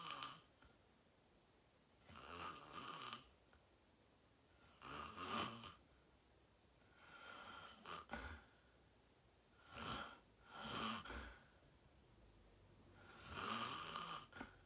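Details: Self-recorded sleep video, fell asleep at 8:45 in deep REM sleep, tagged sleep apnea: loud rattling snores on each in-breath, about six in fifteen seconds, with quiet pauses; heavy snoring.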